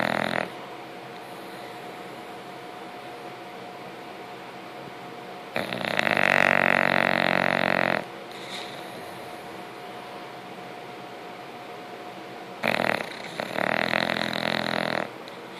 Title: yes...bulldogs snore